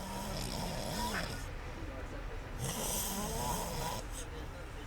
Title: Scary snoring